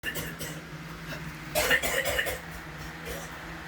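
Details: Repetitive cough lasting hours at a time, new since a month ago: brief cluster of about three harsh closely spaced cough bursts over a low room hum.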